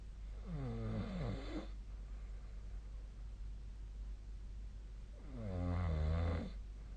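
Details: Sleep snoring recorded with the SnoreLab app: two loud, low, buzzing snores about four seconds apart from a sleeping adult, with steady room hum.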